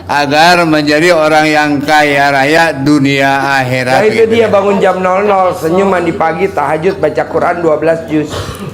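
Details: Adult man speaking; ordinary speech.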